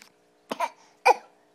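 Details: Young boy giving two brief, light fake coughs on purpose for cuddles and attention, learned while sick; voluntary cough.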